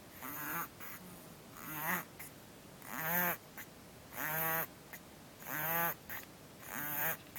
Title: Kitten breathing problem